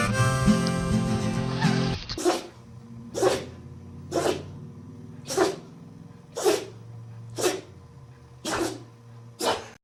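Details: Dog sneezing: a run of about eight short, sharp nasal bursts roughly once a second, after brief music.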